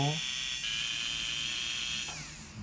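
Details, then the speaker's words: Surgical implant drill widening the osteotomy step by step on a bone model, crestal approach maxillary sinus lift in upper molar area, without water spray; steady high-pitched whine about 1.5 seconds then winding down. "그 다음에 이제 임플란트를 심기 위해서 드릴을 하나하나 넓혀가기 시작을 합니다."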